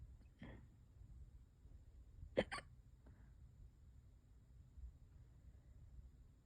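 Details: Person with hiccups lasting hours and getting worse: a few brief, abrupt throat catches in a quiet room, one sharper than the rest; hiccups.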